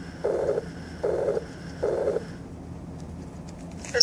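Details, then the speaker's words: Stethoscope bell over the carotid artery at the neck, breath held after exhaling; three rhythmic blowing swishing sounds about 76 a minute, carotid bruit suggesting turbulent flow from atherosclerotic narrowing. "you should hear no brewes which are blowing swishing sounds that suggest turbulent blood flow and atherosclerotic narrowing of the koted artery brewes sound like"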